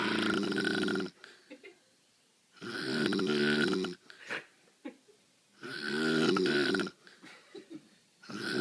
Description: My Mother had just Started her new job at the doctors office, after 5 years. She was PASSED OUT! Heard her snoring from up stairs.